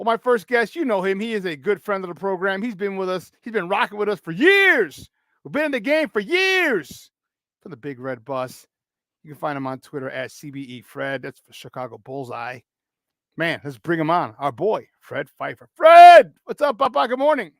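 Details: Adult male radio-style host; normal speech.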